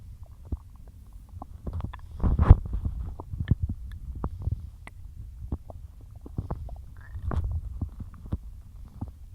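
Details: Loud stomach growling in a bloated stomach after a massive lunch of cheesy pasta and milk mid-diet: low gurgling rumbles with frequent bubbly pops and squeaks; normal bowel sounds.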